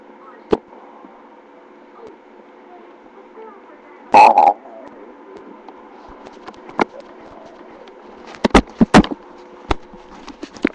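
A low rumbling gurgle from the belly among faint bubbling and sharp clicks: ordinary stomach growling.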